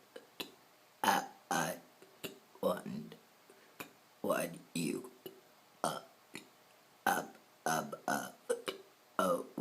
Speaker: I'm going to burp Twinkle Twinkle Little Star twinkle twinkle